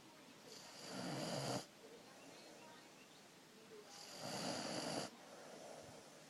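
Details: Snoring: two long, rasping snores about three seconds apart, each lasting about a second, with quiet breathing between.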